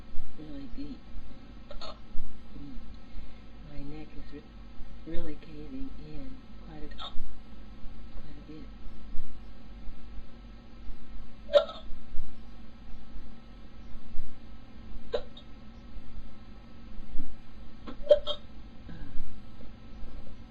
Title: Hiccups(audio only)